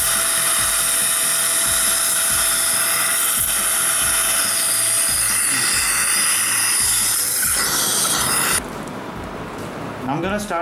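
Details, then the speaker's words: First pilot drill, 2.0, of a dental implant osteotomy in guided, flapless All-on-4 surgery on a maxilla: continuous high-pitched whirring with rhythmic pulsing, stopping near the end. "with the implant osteotomy according to the same plan guideline this is 28 relent and 2.0 this is the first fire drill"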